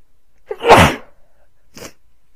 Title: A couple sneezes plus a blow